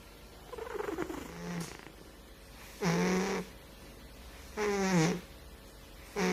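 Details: Fat cat snoring in loud, buzzy, slightly whistling bursts repeating steadily about 33 a minute against quiet room noise; snoring.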